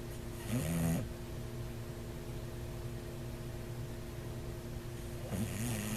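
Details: Sleeping bulldog, snoring possibly a sign of sleep apnea; loud rattling snores, two about five seconds apart, roughly twelve breaths a minute.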